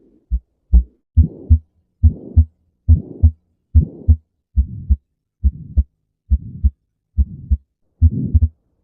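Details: Abnormal heart sounds: regular paired heart sounds at about 68 a minute, with a whooshing noise filling the gap between each pair.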